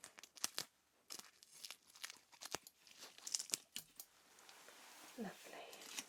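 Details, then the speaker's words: Sharp crinkling and ripping of tape torn and pressed down to secure a wound dressing after a simulated lymph node biopsy, with soft handling noise; acted ASMR roleplay. "so let's get you a dressing on nice and comfortable going to fix it with some tape okay"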